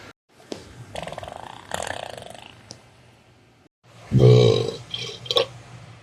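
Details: Gas after eating inulin: low, rumbling, croaky gas sounds followed by a loud voiced burp.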